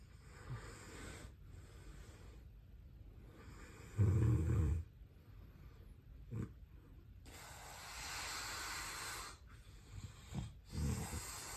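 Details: Snoring, tagged as sleep apnea: irregular breathing with airy hissing breaths and a few short, loud, low rattling snores between them.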